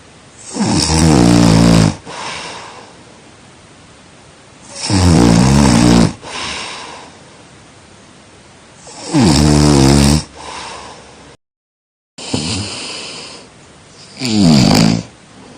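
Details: Snoring during sleep: loud, harsh, fluttering snores on each breath in, about 15 a minute, with quieter breaths out between; heavy snoring as noise pollution.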